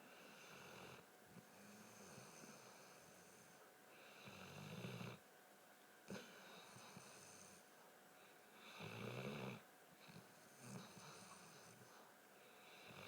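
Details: Rough, rattling snores on each breath in, about 14 a minute, over steady room hum; ordinary snoring.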